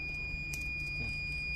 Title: Dental ElectroCautery Machine | ElectroSurgery Unit for Dentist | Electro Cautery Machine for Dental